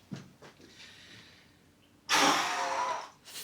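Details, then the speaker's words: Adult asthma patient at a GP visit, standing, about eight weeks after flu with ongoing airway irritation: quick breath in, then one hard, fast, rushing blow of about a second into a peak flow meter, reading 590 on the next try. "so the other thing we'll do while you're standing up is do you remember how to do this Pig float yeah so hard and fast flow please"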